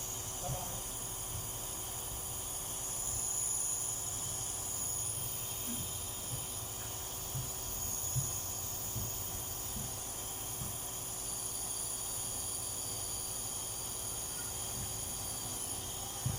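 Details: Dog with kennel cough receiving nebulizer treatment: steady, continuous hiss with a low hum from the running nebulizer turning medication into mist.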